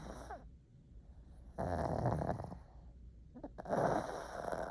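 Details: Snoring pug: rough, snorting breathing noises in slow irregular cycles, about 28 a minute, from a sleeping dog.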